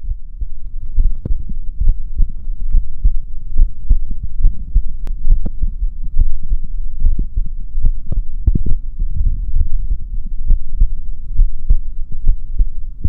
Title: my heartbeat sound